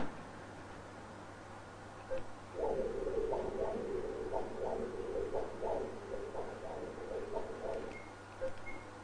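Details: Renal artery Doppler, sampled at the renal artery midpoint during breath-hold: rhythmic whooshing pulses about two a second over machine hum, normal pulsatile renal arterial flow.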